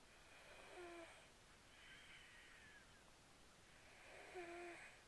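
Soft, high-pitched whistling snores with each breath from a sleeping cat, over faint room noise.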